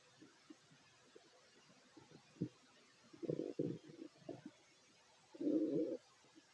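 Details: Fit adult male's stomach recorded while eating a plate of sandwiches: irregular gurgles and low rumbling growls, ordinary digestion sounds, bowel sounds.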